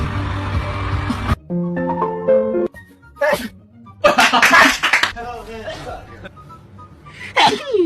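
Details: A few sharp sneezes from different people, mixed with laughter, background music and talk; sneezing.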